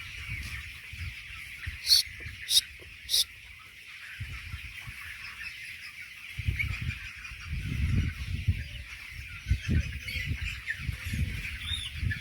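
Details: Broiler chickens gasping in respiratory distress: low, irregular breathing sounds and a few sharp clicks over steady flock and fan noise.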